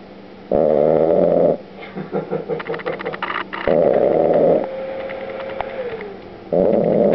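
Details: A dog, the family's newest member, snoring heavily and very loudly in sleep: buzzing snores with snuffling in between and some room noise.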